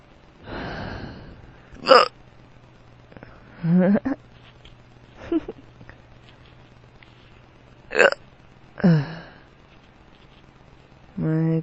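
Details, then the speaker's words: Repeated abrupt, short voiced gulps, several over about eleven seconds, from a drunk adult man with powerful hiccups that hurt his stomach, with occasional burps and a faint hum; hiccups. "You have the hiccups."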